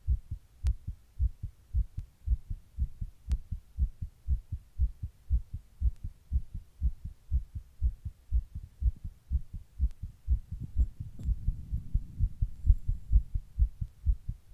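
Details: Rapid, steady low heart thumps at roughly 120 a minute, recorded while sitting in 100-degree heat during a heatwave; tachycardia.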